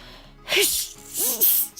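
Two quick sneezes, each a short voiced gasp followed by a sharp hissing burst, over faint background music.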